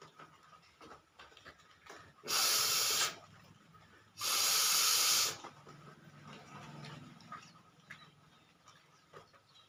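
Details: Woman with a slight cold doing a nose-blowing challenge: two long, forceful nose blows, each about a second, with harsh rushing airflow in a quiet room.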